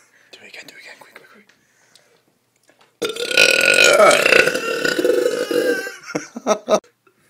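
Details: Girl, after soft talk, gives one long, loud, voiced burp lasting about three seconds, then a few short sounds; burping.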